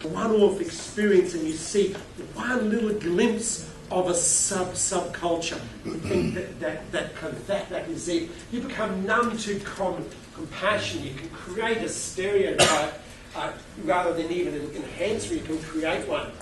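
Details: Adult male keynote speaker with a self-reported stutter who finds microphones scary, speaking at a conference; word repetitions; stuttering.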